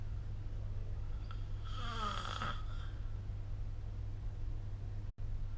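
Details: Adult snoring during sleep, recorded with the SnoreLab app; a single soft, fluttering snore over steady low room hum.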